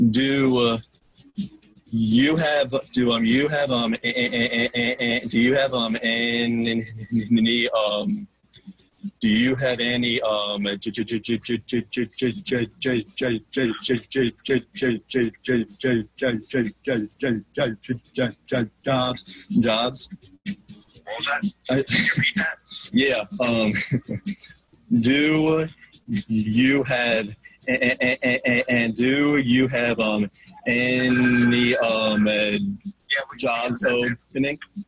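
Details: Male graduate student describing his own stutter as really severe, introducing himself with blocks and fillers; stuttering.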